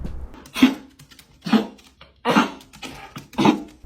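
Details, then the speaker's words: Dog with kennel cough (infectious tracheobronchitis): four harsh, dry, hacking coughs about a second apart. "Here is what a dog with kennel cough can sound"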